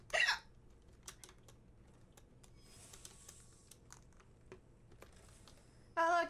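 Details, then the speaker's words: Frequent, repeated hiccups in a female streamer after gaming, which she thinks may be from eating too fast. "I've got some hiccup problems going on lots and lots of hiccups I now Siri annoying yeah why do you think that's going away you hear these freaking annoying hiccups"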